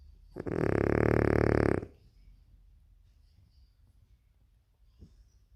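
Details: Sleeping French Bulldog making one long, loud, rattling snore, then quiet breathing; snoring in a flat-faced dog.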